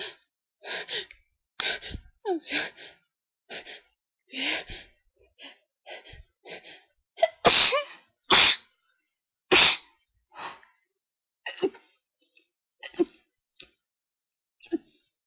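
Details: Sneezing fit attributed to high pollen, ongoing sneezing attacks: many sharp breathy gasps, then three loud explosive sneezes in quick succession, with more gasping after.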